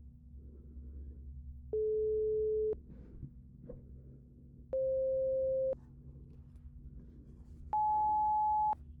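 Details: Roleplayed (simulated) pure tone audiometry hearing test through headphones, tones spanning 174–1000 Hz, starting in both ears: three steady one-second beeps rising in pitch, about three seconds apart, over a low hum.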